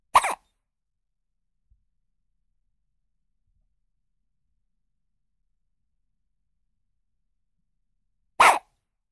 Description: Découvrez ces bruits de bébé nouveau né qui à le hoquet.